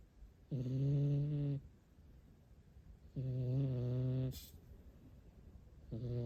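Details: Sleeping rescued cat snoring: soft, regular buzzing snores on each breath, about twenty per minute.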